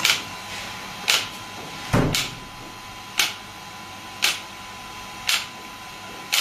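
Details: Shockwave therapy device firing sharp snapping clicks about once a second, with one deeper thud, over a steady machine hum, during a treatment session with the patient's feet placed up and gel applied.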